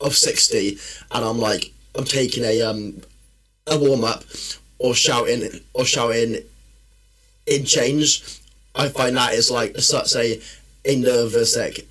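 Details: Man, a personal trainer and former army medic, with a stammer since childhood that worsens when he is tired, stressed or nervous; stuttering.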